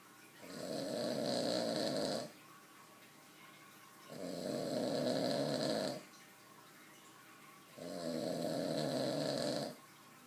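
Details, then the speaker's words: Steady snoring during sleep, about 16 breaths a minute, each a rough, buzzing snore of about two seconds with quiet pauses between, from a snorer who denies snoring. "do you snore h no no"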